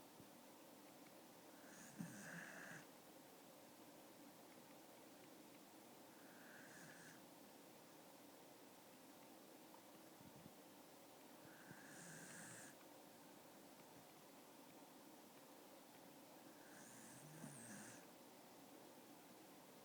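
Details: Sleeping dog snoring: soft, regular snoring breaths about every five seconds, roughly 12 a minute, with a faint nasal whistle over steady room hum.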